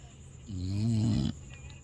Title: A dog is snoring loudly